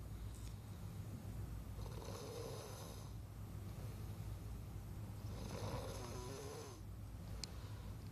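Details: Night-time snoring recording: two long, low rattling snores on breathing in, a few seconds apart, over steady room hum; ordinary snoring.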